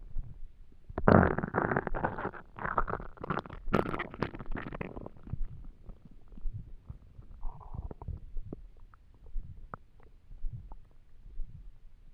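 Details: Stomach rumbling from an empty stomach while trying to sleep: a long gurgling, bubbling rumble, then softer intermittent gurgles.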